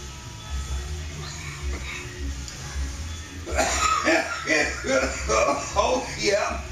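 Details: Adult at home after a dab of honey oil breaks into a rapid run of about six harsh, voiced coughs after a quiet stretch.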